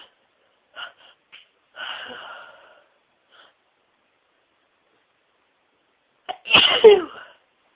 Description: Absolutely huge sneezing fit with lots and lots of sneezes (over 60!), including build ups, a couple of stifles and some wet nose blowing on soft white tissues.